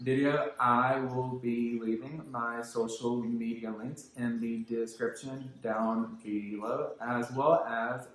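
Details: Verbal apraxia (childhood apraxia of speech) in a man who grew up with the condition; real speech; finding: childhood apraxia of speech.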